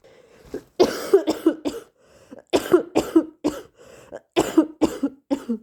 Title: Definitely caught another cold! - Strong induced sneezes, nose blowing and coughing